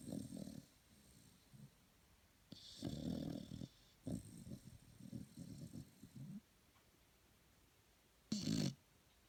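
Low snorting, fluttering breaths in uneven bursts with quiet gaps, in a quiet room: snoring.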